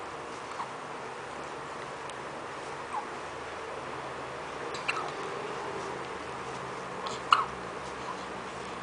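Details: 6-day-old newborn with hiccups: several faint, brief, sharp hiccup sounds over steady room noise.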